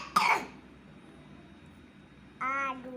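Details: Three-year-old boy with a cough while learning to read: a single sharp cough, then a brief voiced sound about two seconds later.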